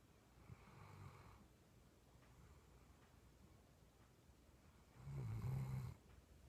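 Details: Soft, low snoring from a sleepy female dog after a long day: two breaths in about six seconds, the second louder, over quiet room noise.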